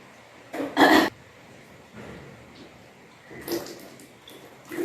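A forceful throaty heave, then softer gagging and retching sounds, self-induced vomiting after drinking salted water.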